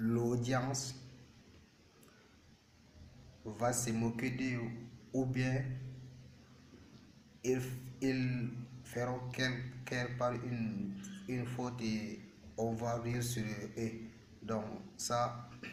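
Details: Stuttering in a speaker, present since age 7, speaking French.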